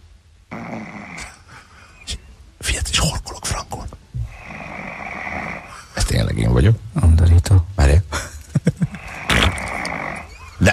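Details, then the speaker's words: Recorded sleep snoring played back on a radio show; the snorer claims not to snore that much: loud, rough, rattling snores repeating with each breath, with rustling and tossing between them. "Tényleg te vagy. Tényleg én vagyok. Undorító. De mi a baj? De nem is horkolok annyira egyébként."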